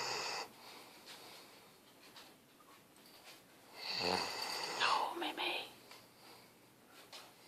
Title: Sei Tu snoring